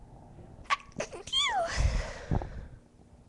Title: Cute, Girly, Induced Sneezes (FIT!)